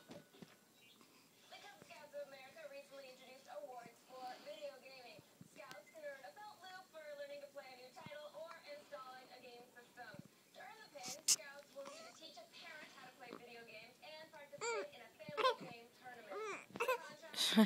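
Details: Repeated high, wavering whimpers and fussy cries in a quiet room from an infant who has hiccups; mild crying.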